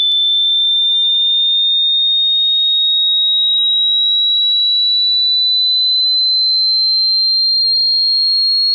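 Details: Hearing test using headphones: a steady pure high-pitched tone rising slowly in pitch as displayed audio frequencies sweep; audible range typically 20–30 Hz to 10–16 kHz depending on age, some hear 16 Hz–20 kHz; hearing test tone sweep.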